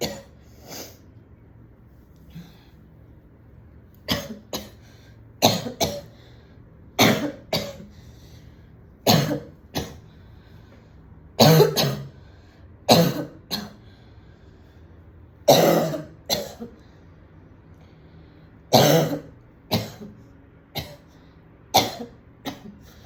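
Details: Repeated short, harsh coughs in pairs and singles from an adult woman, with throat clearing and snorting, at home after smoking a cigarette at a party; cough after cigarette smoking.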